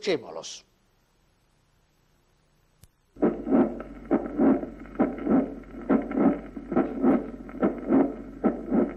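After a brief silence, regular heart sounds at about 69 beats a minute with a murmur building late in systole toward the second sound, typical of mitral valve prolapse.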